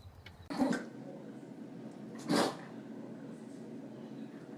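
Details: Dog sneezing, in an animal sneeze compilation: two short, sharp bursts of air through the nose about two seconds apart.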